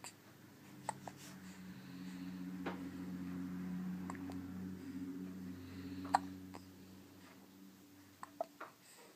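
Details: Baby daughter's hiccups: faint, sharp hiccup clicks at irregular intervals over a low, steady room hum. Infant hiccups.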